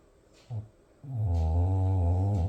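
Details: Loud snoring from a sleeping pet dog, heard every night: a brief low grunt, then a long, loud, low-pitched rumbling snore during one drawn-out breath.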